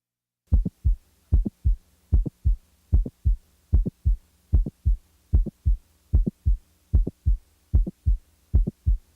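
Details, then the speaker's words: Simulated heart sounds from a mitral valve prolapse patient: a regular heartbeat near 75 a minute with a sharp mid-systolic click between the first and second heart sounds, before the late systolic murmur is added. "the next example is that of a late systolic murmur in a patient with a mitral valve prolapse now the mid-systolic click is"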